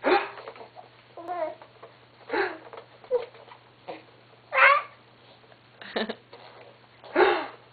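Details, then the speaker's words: Baby girl with everyday hiccups: short, sudden voiced catches every second or two, mixed with soft babbling and giggles. "Oh. Does she have the hiccups? Yeah."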